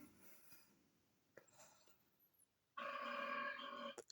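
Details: Comedic playback of loud burping effects at home: after quiet room sounds, one long loud voiced belch of about a second ends the clip; a burp.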